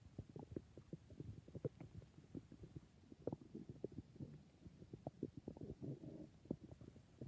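Faint, continuous gurgling and bubbling from the belly, quiet and irregular, typical of ordinary stomach growling.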